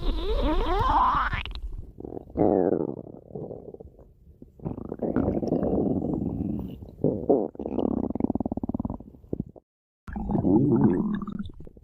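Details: Long, low gurgling and rumbling bursts from a person's belly: stomach growling (borborygmi).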